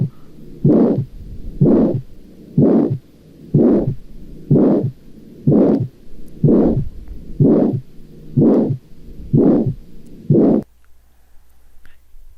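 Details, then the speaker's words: Aortic stenosis: harsh, intense crescendo-decrescendo (diamond-shaped) systolic ejection murmur with each beat at about 62/min, which may radiate to the neck vessels. "Ahora, en la auscultación cardíaca, lo que nosotros vamos a encontrar es un soplo sistólico expulsivo que tiene forma creciente, decreciente, tiene forma de romboide o de diamante. Este suele ser intenso, es áspero y se puede irradiar hacia los vasos del cuello."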